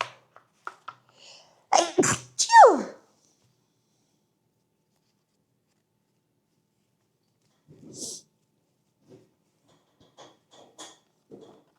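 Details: Streamer gives two quick sneezes in a row, the second with a rising then falling voiced cry, followed by quiet rustling in a small room.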